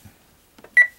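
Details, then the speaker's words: Home peritoneal dialysis: after button presses on a Baxter HomeChoice Pro cycler set to standard mode, a single clear electronic beep as the nightly 10-hour treatment starts. "I hit stop says it's in standard mode and now press go to start"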